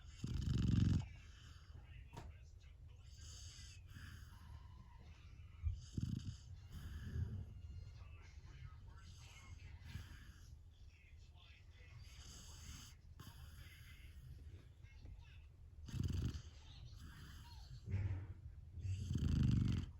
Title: Golden Retriever puppy is Snoring …so cute.